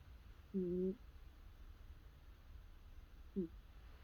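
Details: A sleeping, curled-up cat makes two brief, tonal, nasal snore sounds about three seconds apart in a quiet room, whiskers twitching; soft cat snoring.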